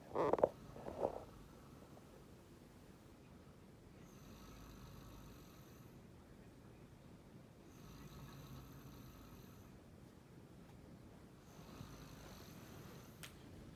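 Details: A husband snores while asleep at home, recorded by his partner, who then tells him he is snoring.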